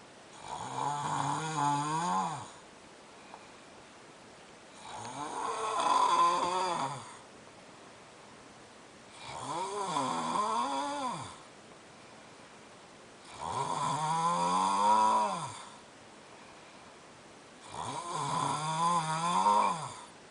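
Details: Sleeping adult man snoring loudly and rhythmically, about 14 snores a minute with quiet pauses, keeping another person awake. Finding: snoring.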